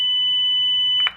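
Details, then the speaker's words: Loud steady high-pitched tone ending with a click: the shock-delivery signal of a Zoll AED Plus in a training demonstration, after the shock-advised prompt, followed by the instruction to start CPR. "shock advised don't touch patient press flashing shock button everybody stand clear"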